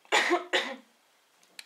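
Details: Two short, harsh coughs in quick succession from an adult with tracheitis, recorded while improving but still coughing and blowing nose; cough.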